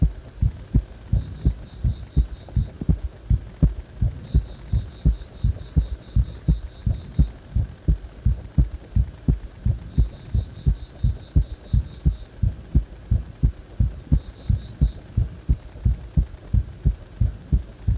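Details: Heart that stays fast even after release from compression: a regular, low, thumping heartbeat at about 86 a minute with a steady hum behind it; rapid heartbeat.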